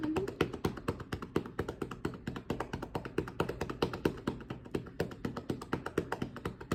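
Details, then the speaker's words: Student physical therapist performs rapid cupped-hand chest percussion over the right middle lobe for airway clearance, with hollow rhythmic claps at about five to six strikes per second; huff cough encouraged. "So again, we're at cupped hands. We're nice and fast, just cupped right where that middle lobe would be. And we're just gonna add percussion."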